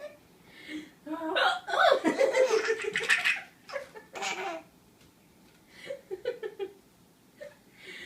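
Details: Adult woman with hiccups: abrupt hiccup sounds mixed with her laughing and a baby's giggles; ordinary hiccups.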